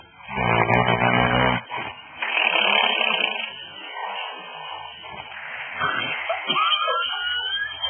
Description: woman sounds like a horse when snoring